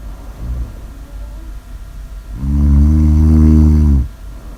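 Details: Heavy snoring during sleep: a short faint snore, then a loud, deep, vibrating snore lasting over a second.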